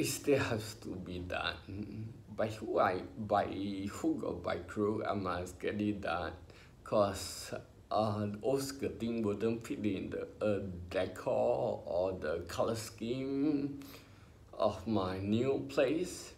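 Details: Ataxic dysarthria in an adult man with spinocerebellar ataxia, diagnosed by a neurologist about 20 years earlier in his twenties; he has had speech therapy.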